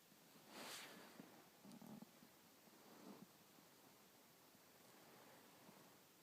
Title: Stomach growl and the hoot owl